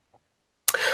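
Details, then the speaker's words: Adult man, hoarse while recovering from a cold, gives a faint click, a pause, then one sharp, harsh throat clearing. "apologize. You might hear me clear my throat or sound like I'm dying every few minutes."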